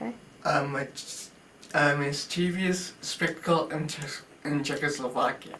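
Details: Adult male with spinocerebellar ataxia type 3 and an affected parent, also with spasticity, slowed saccades and wide-based gait, reading a test phrase; slurred speech heard; ataxic dysarthria.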